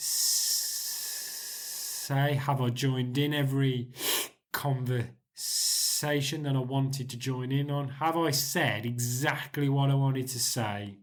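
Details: 40-year-old man with stuttering since about age 4 or 5, with blocks and prolongation; his blocks are fewer than before the Starfish Project.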